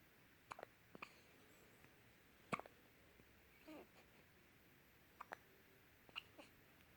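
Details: Newborn, 11 days old, with hiccups: quiet room with several brief, sharp little catches at irregular intervals, about seven in seven seconds; common harmless newborn hiccups.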